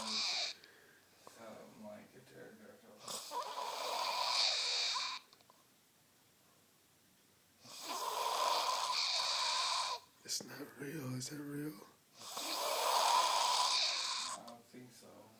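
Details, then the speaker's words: Snoring: loud, harsh, high-pitched rasping snores likened to a pterodactyl, one with each breath about every five seconds, separated by quiet pauses. "Sounds like a pterodactyl."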